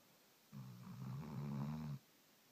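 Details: Snoring.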